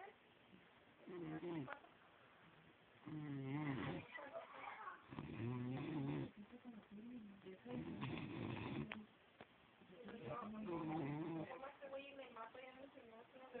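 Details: Snoring during sleep: rough, rumbling snores on breathing in, with a purring, gurgling quality, repeated about every two to three seconds.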